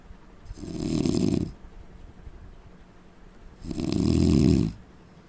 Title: indian man snoring sound